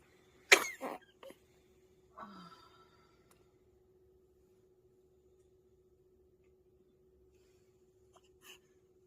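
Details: A single sharp, high little burst with a soft breathy after-sound over a faint steady hum; an infant's sneeze.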